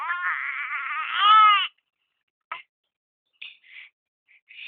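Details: A baby gives one long, wavering cry that rises and swells before breaking off, followed by short whimpers; infant crying.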